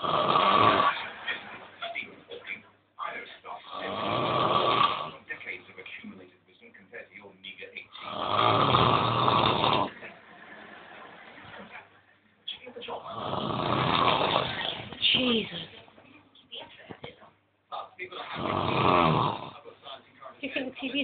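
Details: Heavy snoring from a sleeping man: loud, harsh, rattling snores about 14 per minute at an uneven pace, with quieter breathing noise between them.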